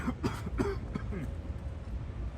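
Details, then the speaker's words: Adult man on an outdoor early-morning walk gives a big clearing cough: a quick run of several short, throaty cough bursts with throat clearing over steady outdoor noise. "All right. That was a good clear out cough there, friends."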